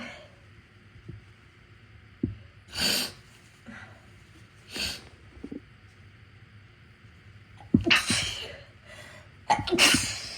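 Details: Several sharp, forceful sneezes, some in quick pairs, with quieter breaths between, induced by an adult with a cold via nostril tickling, partly in the left nostril.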